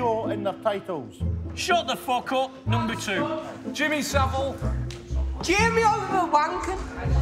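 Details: Adult man with Tourette syndrome since childhood, almost no ability to suppress tics; involuntary obscene or offensive vocal tics interrupt speech; Tourette syndrome vocal tics (coprolalia).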